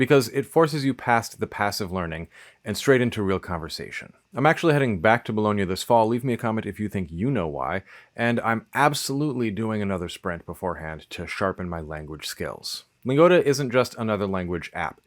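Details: Adult male speaker; normal speech.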